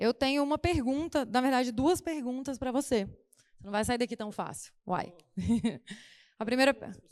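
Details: Adult woman; Normal speech.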